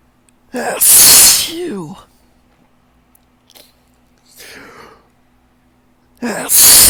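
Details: Hitching build-up, then a loud, drawn-out wet sneeze, a gasp, and a second sneeze starting; repeated sneezing from ragweed pollen allergy on a windy morning.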